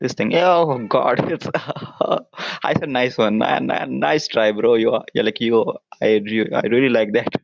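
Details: Adult man who stammers, with onset around nine years old, speaking English; stuttering.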